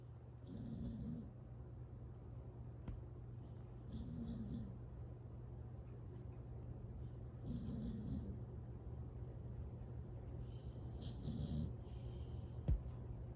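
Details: Jacob snoring while awake; a veterinary professional said it should get quieter as he gets older. Four slow, rhythmic, low rumbling snores with a faint hiss, about 17 per minute, over a steady room hum; snoring.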